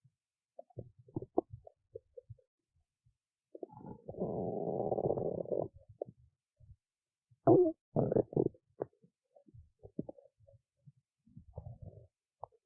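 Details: Belly sounds after a skipped lunch, with hunger: scattered gurgles, a long bubbling rumble and several louder squelches. Ordinary hunger stomach rumbling (borborygmi).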